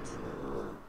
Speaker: did you hear that that was the dog snoring or maybe I'm talking too loud and disturbing it